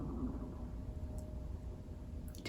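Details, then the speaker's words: Stomach growling (borborygmi) from a person who had not had breakfast: a low, drawn-out rumble with a faint whining gurgle. "hear that that was my tummy i'm so sorry i have not had breakfast"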